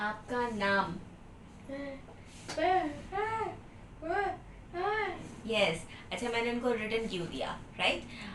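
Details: 10-year-old boy with profound hearing impairment, diagnosed very late, fitted with manual digital hearing aids, in speech therapy since age 9; likely answering when asked his name; deaf speech (profound hearing loss).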